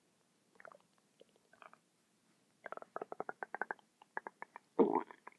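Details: A person's stomach making gurgling, bubbling rumbles in quick clusters, non-stop for 10 minutes: ordinary active bowel sounds.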